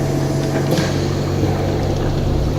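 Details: Oxygen concentrator switched on while an oxygen analyzer measures the oxygen percentage of its output: continuous low motor hum with steady whirring of the running concentrator.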